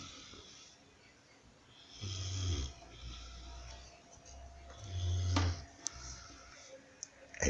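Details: Two deep, rattling low snores on breaths about three seconds apart, with faint room noise and small clicks between; ordinary snoring.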